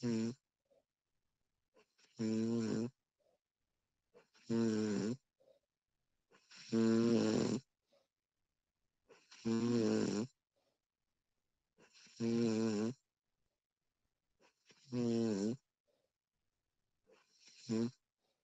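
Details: Female snoring recorded as a realistic sound effect: regular voiced snores on each breath, about 23 a minute, with quiet gaps between; ordinary sleep snoring.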